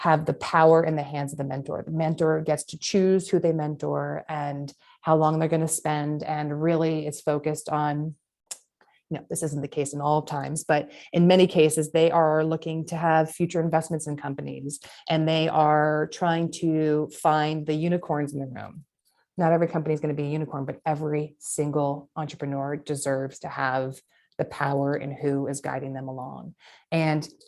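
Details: Adult woman speaking; no disorder.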